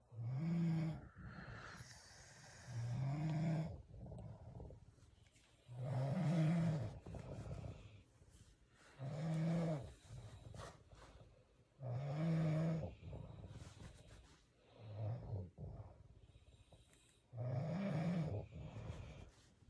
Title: Snore no More starring Huggy Wuggy